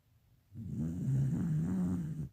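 A single low, rumbling snore on an inward breath, vibrating and rough, lasting under two seconds. Snoring.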